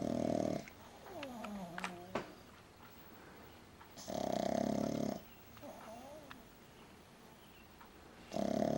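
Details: Saya, a flat-faced pug dog, snoring loudly: rattling snores about every four seconds, with whistling squeaks between them.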